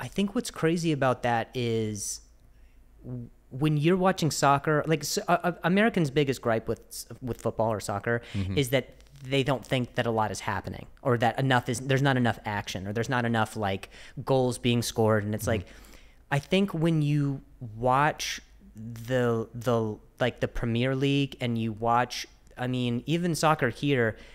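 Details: Adult male podcast host described as fighting through a stutter; word repetitions heard, consistent with stuttering.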